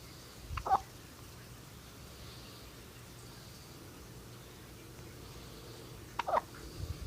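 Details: Two brief, sharp, soft catches about six seconds apart in a quiet room: a baby's hiccups.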